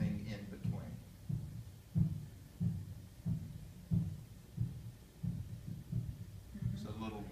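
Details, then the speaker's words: Live classroom stethoscope demonstration: lub-dub with a vibratory systolic murmur judged probably benign, a physiologic innocent murmur; second heart sound splits wider with breathing. "so this is a physiologic or normal murmur you're going to be okay"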